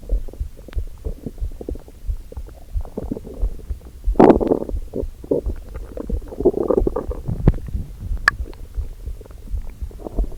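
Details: Hunger stomach rumbling first thing in the morning before breakfast: low abdominal gurgling and rumbling with irregular bubbling bursts and a few louder squelches.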